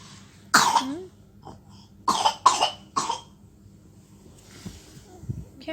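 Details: Child with fever, cough and flu gives four short, dry coughs in a quiet room; cough.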